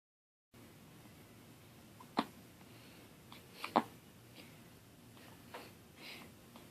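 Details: Week-old newborn with hiccups: two sharp, brief hiccup sounds, then a few fainter ones in a quiet room.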